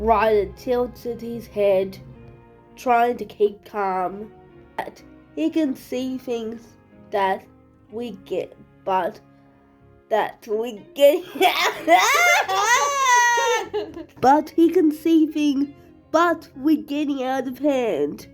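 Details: Speaker with cerebral palsy reading a story aloud, with repeated and restarted phrases; dysarthria (cerebral palsy).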